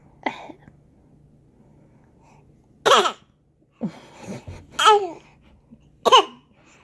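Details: 20-week-old infant fake coughing: about five short, voiced cough-like bursts, deliberate voluntary cough rather than illness.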